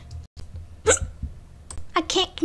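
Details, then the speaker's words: Two or three sharp, abrupt hiccups with brief voiced catches amid background noise; hiccups. "bruh why you hiccuping"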